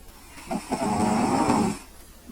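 A single drawn-out, rumbling snore from a sleeping cat.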